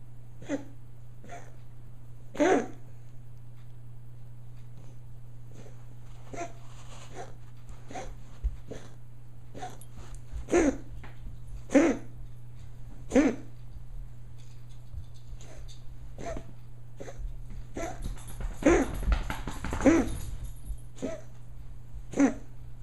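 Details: Pet named Max, likely a dog, during one of his coughing fits, recorded for the vet: a prolonged run of short, harsh coughs or hacks over a steady hum.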